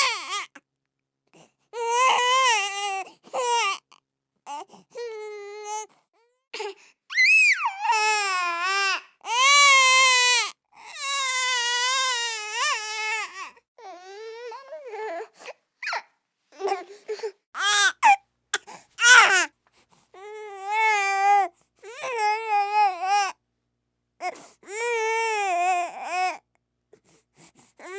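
An infant cries in repeated bursts with pauses between, in a small quiet room.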